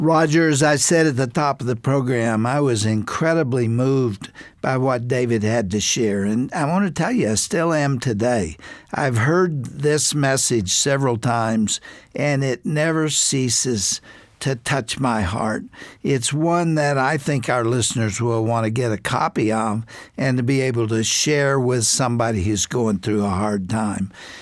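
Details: Adult male speaker; normal speech.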